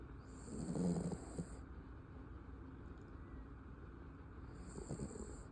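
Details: A sleeping dog gives two low, rattling snoring breaths about four seconds apart over a faint, steady background hiss; snoring.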